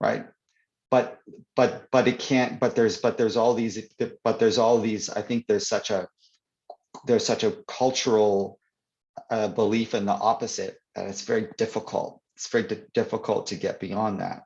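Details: Stuttering (stammering) in an adult man; word and phrase repetitions are audible in spontaneous interview speech.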